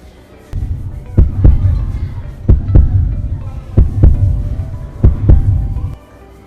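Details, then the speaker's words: Resting heartbeat of a Grade 6 student, heard through a simple model stethoscope in a school science demonstration before jumping jacks: four clear, steady lub-dub beats. The rate was counted as 100 per minute. "now I can hear heartbeats so I'm going to measure his heartbeats per minute"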